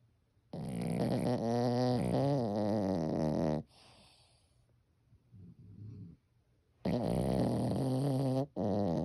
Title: Funniest wet/dry snoring ever…🤣🤣🤣